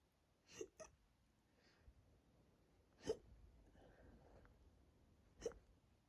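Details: Hiccups induced by drinking a lot of water, with a bloated, tight stomach: sharp, sudden gulping hiccups, about three in six seconds, irregularly spaced, in a quiet room.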